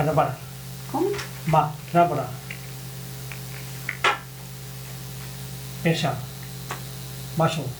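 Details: Frontotemporal dementia, nonfluent/grammatical variant primary progressive aphasia overlapping with progressive supranuclear palsy syndrome with primary progressive gait freezing; episodic memory spared; naming shapes with phonemic paraphasias, syntactic errors, halting speech; nonfluent/agrammatic primary progressive aphasia.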